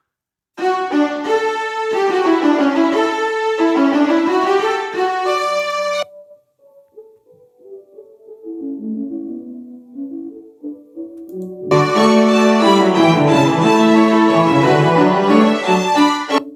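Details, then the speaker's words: Simulated bilateral, symmetrical, profound high-frequency ski-slope sensorineural hearing loss applied to music: sounds flat, some instruments missing, mainly bass heard, volume little affected; simulated hearing loss. "put a few information there that would be useful and again with this music you'll see that it sounds flat and you'll see that a lot some of the instruments are missing but the volume wouldn't wouldn't be too much affected"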